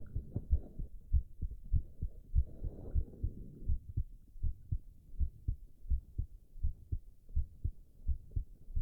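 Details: Male heart recorded while drinking tea, with loud stomach growls: a steady low thumping heartbeat, roughly 80 beats a minute, with a brief rumbling gurgle early on; normal heart sounds.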